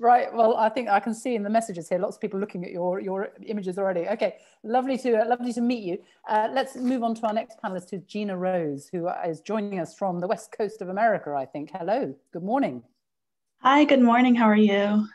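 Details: Adult woman speaking, with a brief reply from a second woman; fluent speech.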